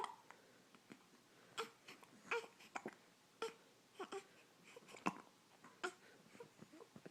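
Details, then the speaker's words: Infant girl, seemingly tired of her hiccups, gives short, abrupt hiccups at irregular intervals with faint fussing between; ordinary hiccups. "think she's tired of her hiccups."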